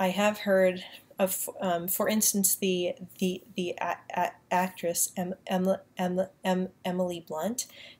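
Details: Woman who says she has a mild stutter and stutters less when using a British accent, speaking in her normal accent with repetitions; stuttering.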